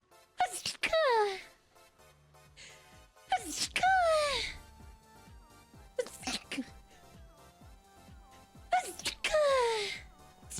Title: Ultimate SNEEZE compilation!! #sneeze #sneezing